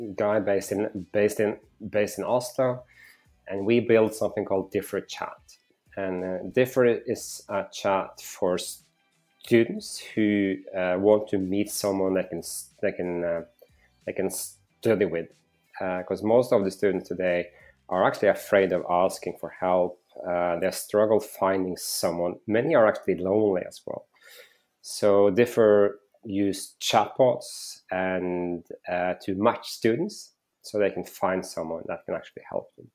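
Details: Stuttering in an adult man, self-reported, stuttering audible during a conversational interview.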